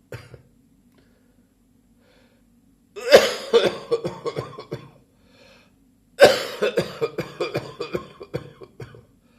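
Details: Adult still coughing three weeks after a chest infection: two harsh bouts of repeated coughing, a lingering post-infectious cough.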